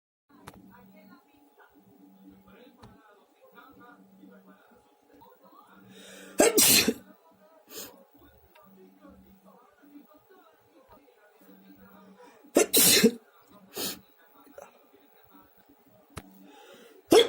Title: Powerful and spray sneezes!